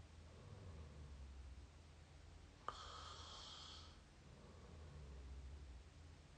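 Low rumbling snore on slow breaths, about 30 a minute, with a hissing outbreath; mouth snoring.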